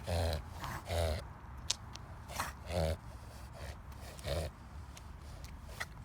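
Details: A dog makes repeated harsh, honking snorts with forceful pulled-in breaths; a reverse sneezing episode.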